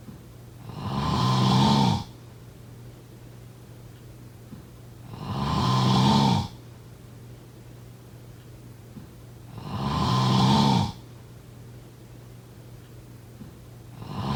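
Loud, rattling snore on each breath in, about 14 breaths a minute, with quiet pauses between; habitual snoring.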